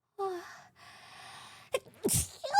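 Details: VTuber sneezing, possibly pepper- or powder-induced: a soft voiced sound, a quiet pause, then a quick inhaled gasp and a sharp single sneeze burst.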